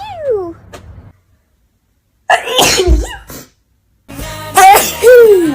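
A sharp sneeze burst followed by voiced exclamations, with music in the background; an ordinary sneeze.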